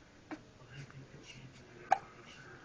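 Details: Hiccups: two brief, sharp hiccup sounds about one and a half seconds apart in a quiet room.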